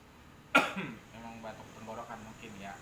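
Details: Water-gallon delivery man with heavy breathing and an itchy throat, coughing during a crackling (pretek) treatment: one sharp cough burst, then a brief throat-clearing rumble and low grunts in a quiet room; breathing felt relieved afterward.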